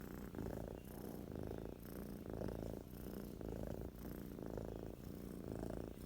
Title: Super cute cat snoring 😴